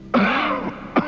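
An acted adult cough: a harsh, voiced burst trailing into a rough groan, then a second brief burst, portraying a flu cough.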